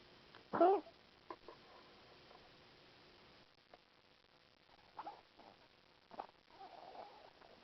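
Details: Dog Mia, after stent placement, gives one loud, harsh, honking cough, then only faint small sounds in a quiet room.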